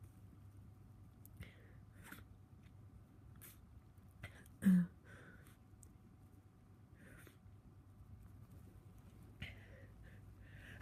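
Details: Person with a cold, a very tickly nose and congestion, feeling miserable: a single short, sharp sneeze bursts out in a quiet room with faint rustling; an ordinary sneeze.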